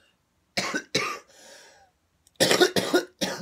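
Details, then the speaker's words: Adult coughing fit: a run of harsh coughs, two bursts, then a wheezy breath in, then three more coughs. "that if I was shoot okay uh boy that took a minute to get there that cough"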